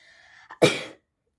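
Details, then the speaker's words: Single sneeze, a short indrawn breath then one sharp explosive burst fading over about half a second, after using sneezing powder; the speaker notes sisters sneezing in the background. "they were my sneezes now it's my turn guys my sisters are sneezing on the background"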